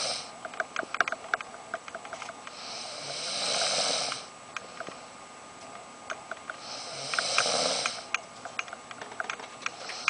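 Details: Sleeping person snoring: two slow, rough, breathy rushes of sleep breathing at about 13 breaths a minute, with faint clicking in the background.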